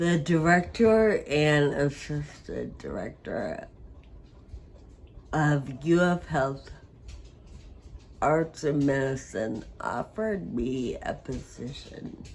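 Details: Adult woman with Friedreich ataxia who uses a wheelchair: ataxic dysarthria.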